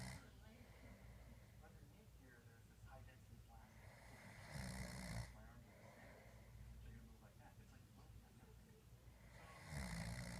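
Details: Rasping adult snores about every five seconds over steady background noise with faint talk, recorded February 2017; snoring.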